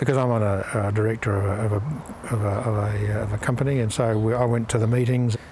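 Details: Adult man, company director, with aphasia after a stroke that left him in a coma, with physical function fully regained; aphasia.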